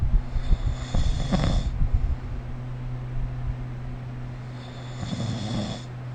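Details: Loud, rattling sleep snores on inhalation with a softer snore after a pause, over steady room hum, recorded with the SnoreLab snoring app.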